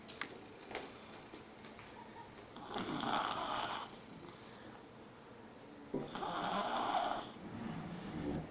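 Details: Dog snoring during an afternoon nap: two rough, rattling snores, each about a second long, over faint room noise.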